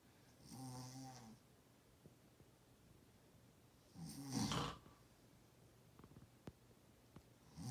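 Two loud, rattling breath noises about three seconds apart in a quiet room: snoring.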